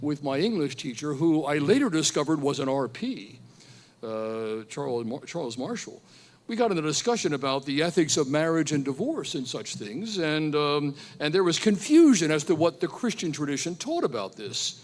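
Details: Man who describes himself as a stutterer whose stutter usually goes unnoticed, and who stuttered when surprised as a teenager; word repetition heard; stuttering.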